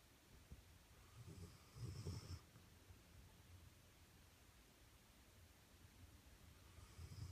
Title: Roxy the English Pointer snoring